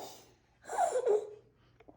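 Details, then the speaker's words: Infant with croup: a single harsh, high-pitched noisy breath in, falling in pitch, then small soft sounds. Classic inspiratory stridor. "Um, and gives that classic both barky cough and that high-pitched strider sound which is that noisy breathing in."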